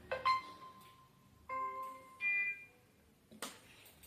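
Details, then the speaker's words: Startup chimes and clicks as a bedside multi-parameter patient monitor (NIBP, SpO2, temperature) powers on after a long press of the power button; patient monitor startup tones. "Power button के लिए यहाँ पे button दे रखा है एक जो कि long press करोगे तो ऑन हो जाता है।"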